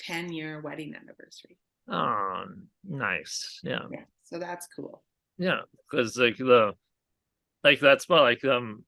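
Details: Aphasia in a male stroke survivor following a hemorrhagic stroke caused by an arteriovenous malformation at age 20.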